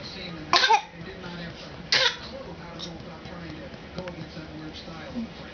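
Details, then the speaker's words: A pet bird pretending to be sick gives two short, sharp cough-like bursts about a second and a half apart; imitated cough. "on yeah you face I want I'm trying to record her fake cough"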